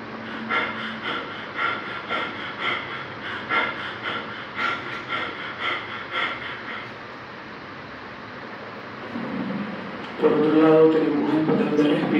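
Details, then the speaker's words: Biot's breathing, described as following brain injury that inhibits the respiratory centre until high blood carbon dioxide restarts it: a run of quick, shallow breaths followed by a pause of apnoea. "el centro respiratorio será inhibido y solo comenzará a funcionar nuevamente en caso de un fuerte estímulo, y este estímulo serán los fuertes niveles de dióxido de carbono en sangre, y así es como suena."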